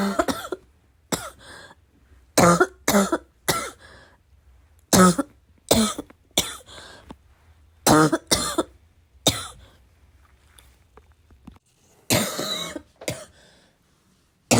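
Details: About a dozen harsh chesty coughs in bursts with throat clearing and snorts, productive-sounding; self-described as a little wheezy, a little chesty, barking as always, within a 5-minute bad coughing fit: chesty cough.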